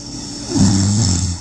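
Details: Adult woman, a fiancée, snoring while asleep at night: after quiet breathing, a single low, rumbling, fluttering snore rises and holds about a second, attributed to vibration at the back of her throat (uvula).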